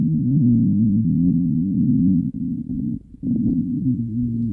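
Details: Loud, low, warbling stomach rumble with wavering pitch and a brief pause; stomach growling, normal gut movement of gas and fluid.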